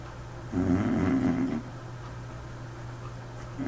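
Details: Sleeping white dog with a peculiar snore: one rumbling, fluttering snore lasting about a second over quiet room noise.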